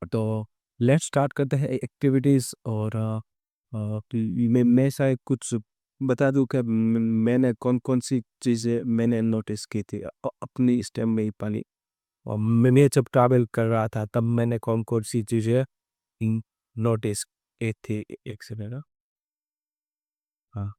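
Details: Adult man who stammers, speaking Hindi, who has done daily stammering practice including breathing and tongue twisters for about a month; stuttering.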